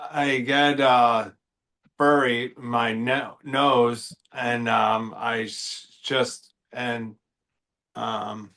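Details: Expressive aphasia, with apraxia also reported, in a 53-year-old man after a stroke caused by a left carotid artery dissection affecting Broca's area.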